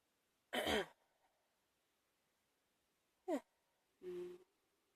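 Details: Evening cough from a chest cold.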